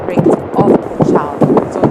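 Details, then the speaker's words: Normal fetal heart rate of 134 beats per minute, heard on a Doppler (sonicaid) placed on the pregnant woman's abdomen at a routine antenatal visit. "So that is what we write there as our fetal heart rate. And what we have here is 134. which is within the normal range."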